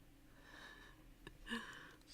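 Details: Soft, faint breathy rasps from a sleeping dog, ending in a brief snorting breath, heard over quiet room noise: snoring.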